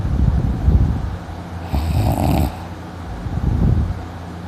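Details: Sleeping in, snoring loudly and waking with a sore throat: loud, rough snoring breaths recurring throughout; heavy snoring during sleep.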